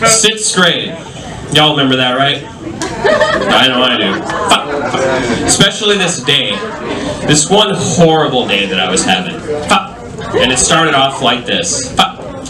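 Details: Adult male comedian with Tourette syndrome, a neurological condition causing involuntary utterances including shouted swear words and tic noises, performing live stand-up; vocal tics (Tourette syndrome).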